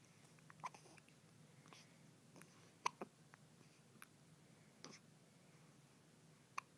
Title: Two day old hiccups!